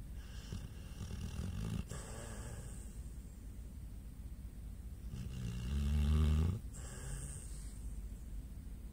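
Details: Pit bull dog asleep and possibly dreaming, two deep, rumbling snores over steady low background noise, the second loud and long: heavy snoring.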